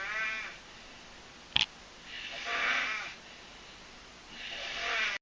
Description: mom was making weird noises in her sleep